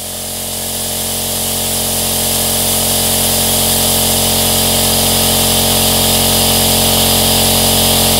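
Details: Steady, continuous hum of a running aerosol nebulizer, played as white noise for sleep, relaxation or soothing a baby: nebulizer running.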